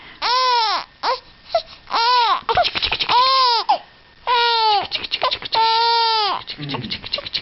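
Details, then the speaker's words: Infant girl crying with repeated rising-falling wails, short breaths between bursts and some fussing, as her father comforts her and she then calms down. "crying baker olive and daddy's got you what's all this"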